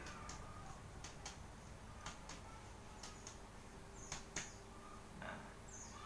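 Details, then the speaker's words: Paired soft, short, flat finger taps in chest percussion over the heart at the intercostal spaces: normal cardiac dullness. "suaranya itu dullness ya. Nama normalnya itu dullness."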